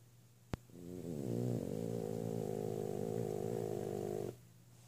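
One long, rattling, buzzing snore on an in-breath after a brief click; typical snoring of a flat-faced dog.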